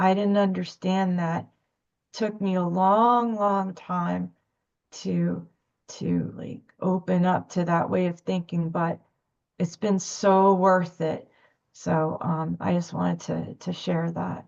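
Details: Adult woman speaking; stuttering.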